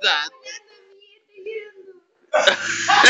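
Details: Chihuahua with hiccups: a few short, sharp hiccup sounds at irregular intervals, then a burst of loud background noise; hiccups.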